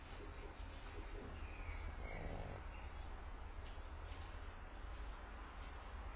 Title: French bulldog snoring